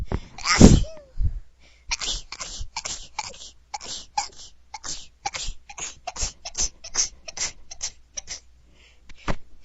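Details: A person's single loud sneeze, followed by a rapid run of small, sharp sniffing snorts through the nose; sneezing.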